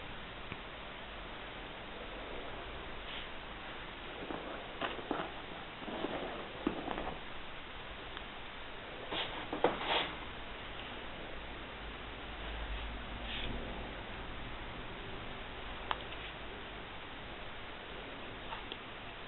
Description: After positioning the drum of the stethoscope upon any point of the skin projection area of the stomach, through the Auscultatory Percussion, the physician listens to the different quality of the sounds, in order to mark the border of the patient's stomach.